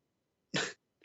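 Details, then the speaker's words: Adult man coughing during a live debate, saying he ate too many chips: a single short, forceful cough. "Okay, why you keep coughing? Each time things get hot, you start coughing."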